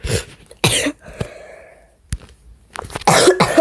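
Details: A child gives harsh, forceful coughs in short bursts, with quieter breaths and faint sounds between them.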